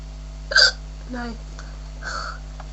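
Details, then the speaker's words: Ordinary hiccups in a person being jokingly "scared" to stop them: a sharp hiccup, a short voiced sound, then a softer hiccup. "sorry got hicup Mak it look better she hi cups let me try and scare you"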